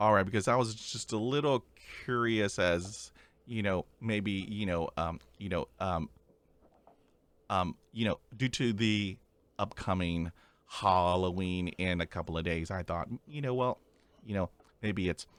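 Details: Adult man who stutters, speaking in a podcast interview; repetitions and fillers are audible; stuttering.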